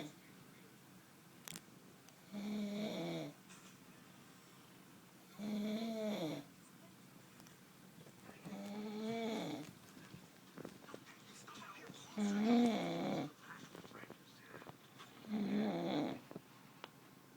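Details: Adult man snoring loudly during sleep, loud enough to wake the person recording again: five loud buzzing snores on each in-breath, about 19 breaths a minute, quiet pauses between; snoring.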